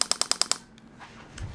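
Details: Radial shockwave therapy (Storz Medical) on a patient's neck and suboccipital area for neck pain and spinal ligament injury, discomfort kept at 2–3 of 10; rapid regular sharp clicks about ten a second, then stopping.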